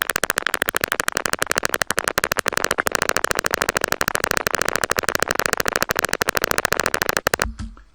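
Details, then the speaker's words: Jitter recording with a concentric needle electrode: rapid, regular crackling pops of motor unit potentials, a duller sound with lower slope and longer rise time than with a single-fiber electrode. "here is a recording with the concentric needle electrode this is sounded little more dull and the these signals have a slightly lower slope longer rise time"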